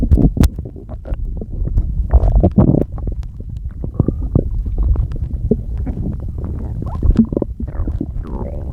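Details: Person with stomach noises they say they can't control: irregular gurgles, pops and low rumbles running almost continuously; loud stomach growling (borborygmi).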